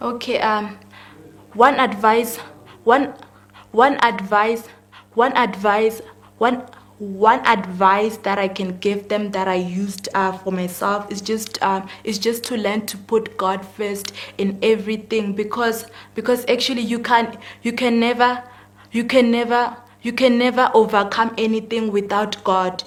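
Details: 19-year-old female grade 12 student with stuttering, which is audible during the interview: stuttering.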